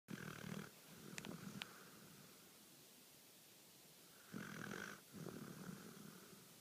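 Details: Sleeping dog snoring: quiet, buzzing snores on slow breaths, with a short snort and room hiss in the background.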